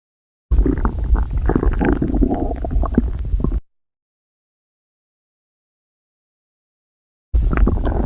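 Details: Stomach growling after overeating: low rumbling, gurgling bursts split by a stretch of silence; ordinary bowel sounds (borborygmi).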